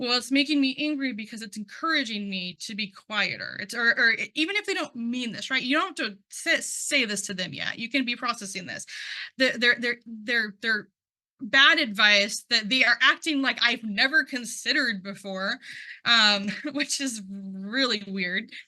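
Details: Adult who identifies as a person who stutters, with repetitions of words and part-words heard; stuttering.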